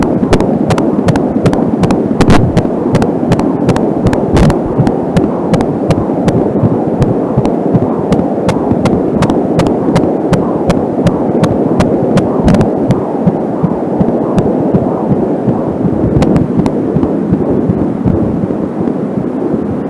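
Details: Home fetal heartbeat recorded with an Angelsound fetal Doppler: rapid whooshing pulses near 160 a minute; slower beats at times are the mother's own pulse from a nearby artery; some static from the short cable.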